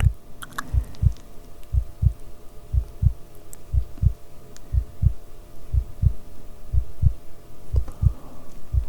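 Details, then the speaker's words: Simulated ASMR medical roleplay: stethoscope on the chest with a steady, regular lub-dub heartbeat at about 60 a minute and faint rustling, described as strong and rhythmic. "Very good. Very good heartbeat. Strong, rhythmatic. What more could we ask for?"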